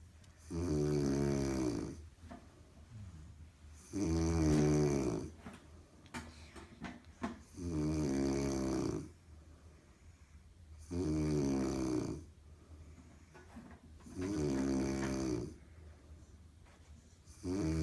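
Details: Adult woman napping on the couch beside a sleeping dog: loud, regular snores with a rattling, voiced quality, about 18 breaths a minute.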